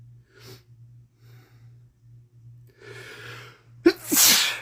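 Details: Soft sniffly breaths over a low steady hum, then a sudden forceful sneeze from a man with a common cold; sneezing and sniffling with a common cold.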